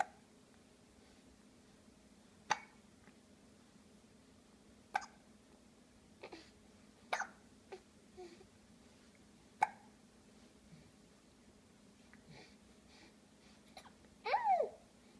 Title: 201403 Hiccup